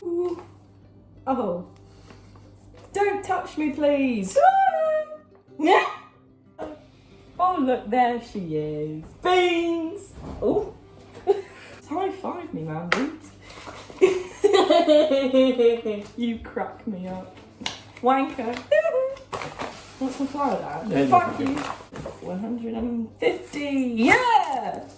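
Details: Young woman with Tourette syndrome whose involuntary vocal tics interrupt her speech; vocal tics (Tourette syndrome).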